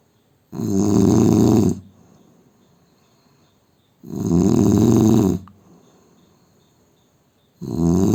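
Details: Loud, rattling snores on each inhalation from an Indian man, quiet exhalations between, about 17 breaths a minute; heavy snoring.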